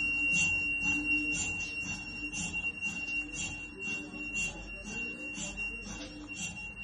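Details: MRI machine running: rhythmic high-pitched knocking pulses, a little over two per second, over a steady whine.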